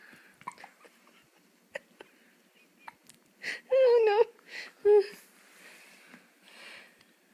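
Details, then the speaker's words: Young girl with hiccups who is laughing between them: several small, sudden hiccup catches in a quiet room, mixed with brief voiced child sounds. "has the hiccups."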